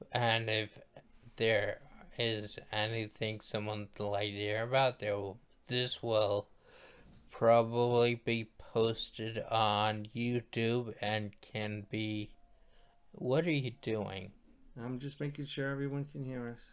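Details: Dysarthria after stroke in a male stroke survivor, who attributes his voice to his stroke.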